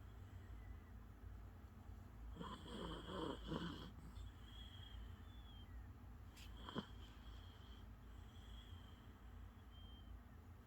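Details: A sleeping puppy snoring: soft snores with faint squeaky whistles through the nose over steady room hiss.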